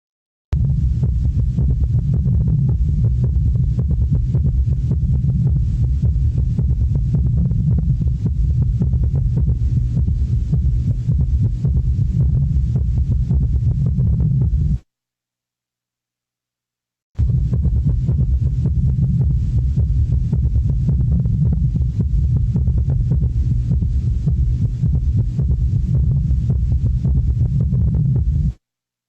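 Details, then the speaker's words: Summation gallop: S3 and S4 fused into one sound, louder than S1 and S2; rapid low-pitched rhythm with an extra loud filling sound giving a galloping cadence. "que vamos a escuchar a los ritmos de galope de suma quiere decir que vamos a encontrar el tercer y cuarto ruido prácticamente funcionado como si fuesen un solo y que va a tener incluso un mayor intensidad que el primer y segundo redondeado"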